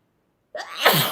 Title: girl sneezes